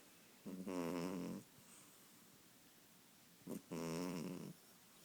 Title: Snoring kitten